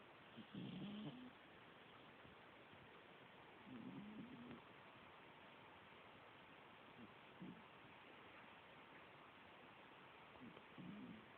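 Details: Sleeping cat gives soft, low rumbling snores, four over about eleven seconds (roughly 20 breaths a minute), over steady background hiss; snoring.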